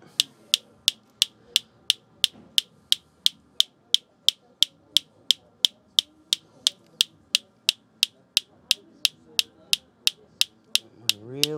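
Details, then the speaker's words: Water-tank focused (not percussive) shockwave device treating a patient's heel for plantar fasciitis or heel pain in a chiropractic clinic: sharp, regular clicks about three per second, faint room sound behind. "deo it sounds much different it's not a percussive soundwave with the focus shock wave we're using a tank of water to actually create that shock wave that's then traveling through"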